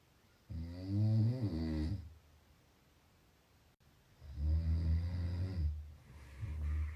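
Two loud, low, rattling snores on breathing in, separated by a quiet pause; ordinary snoring.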